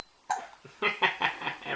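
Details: Baby with hiccups: several short, abrupt voiced catches in quick succession from an infant.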